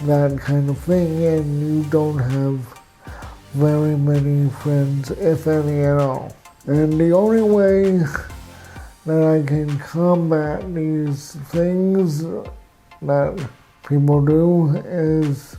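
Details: Adult man with cerebral palsy, with walking difficulty and frequent falls; real patient speech; dysarthria (cerebral palsy).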